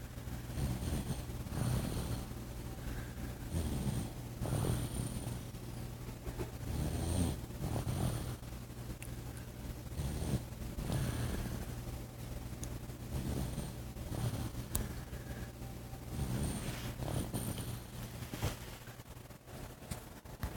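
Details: Snoring said to resemble the father's: rough, low rumbling snores about 20 times a minute, somewhat irregular, under a steady low hum.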